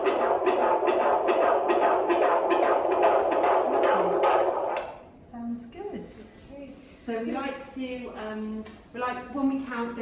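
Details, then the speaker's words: Second-trimester pregnancy, first UK midwife appointment: handheld Doppler gives rapid, regular whooshing fetal heart pulses at about 150 a minute, then quiet talk; midwife comments on the heartbeat; normal fetal heartbeat on Doppler. "David's heartbeat we like it's between 110."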